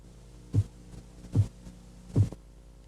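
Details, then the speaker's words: Korotkoff phase 1 during blood pressure measurement: three soft, regular low taps over a faint hum, the first two regular beats marking the systolic pressure. "el primer sonido que va a escuchar es un leve golpeteo que señala la fase korotkov 1 la fase uno comienza con los dos primeros latidos regulares y es la medición sistólica"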